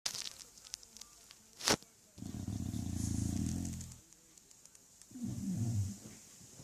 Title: English bulldog snoring igor